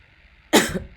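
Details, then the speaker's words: Adult speaker coughing during an online meeting, apologizing that the cough is currently bad. "Aduh sorry banget. Ini lagi parah nih batuknya."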